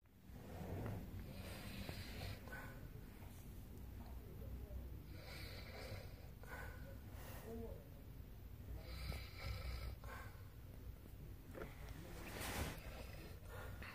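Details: Adult woman snoring during sleep: quiet rough breaths every few seconds against steady room noise, each with a faint snoring rattle; mild snoring.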